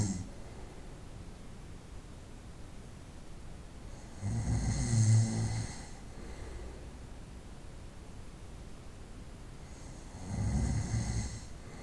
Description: 25 minutos de ronquidos durante la noche. 25 minutes of snoring at night.